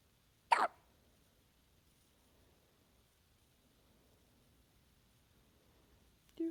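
One sharp, brief hiccup in a quiet room, then a second sound starting at the very end; hiccups.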